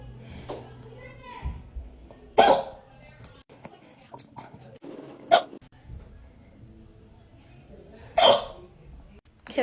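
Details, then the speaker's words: Person with a third bout of hiccups that night: three sharp, abrupt vocal hiccup sounds at irregular intervals against quiet room noise with faint background music. "I literally hate the hiccups so much. And this is the third time that I've had them tonight. Literally, it's so bad."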